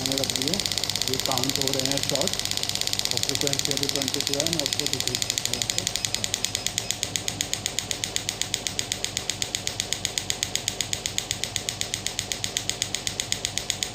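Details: Pneumatic radial extracorporeal shockwave therapy device: rapid, steady train of sharp clicking pulses, brief speech and room noise at start; shockwave device firing.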